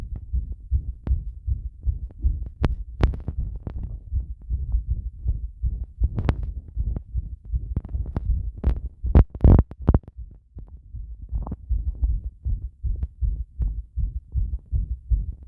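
Repeated low heartbeat thumps with some rubbing and knocking noise from the pressed microphone; ordinary heart sounds.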